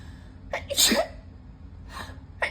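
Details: Sniffly sneezing fit: a sharp in-breath and one forceful sneeze, then a sniff and the start of another sneeze.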